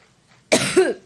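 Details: Single harsh cough burst with brief voiced tail, sudden onset from quiet, from an adult woman speaking at a campaign rally; she attributes it to an allergic reaction; coughing attack.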